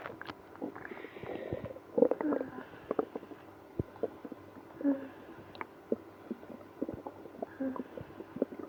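Irregular gurgles, squeaks and rumbles from the abdomen, with short pauses between them: active bowel sounds, stomach growling.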